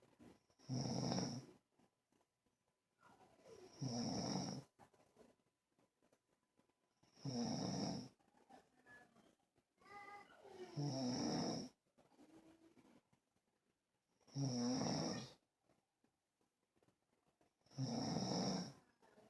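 Regular rough, rattling breath sounds about 17 a minute, with quieter breaths between them; snoring.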